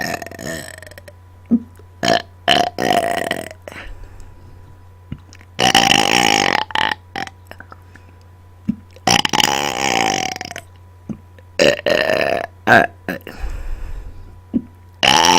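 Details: Deliberate, on-command burping and burp-talking close to a microphone: repeated loud, prolonged belches, some voiced into word-like sounds, with quiet gaps between.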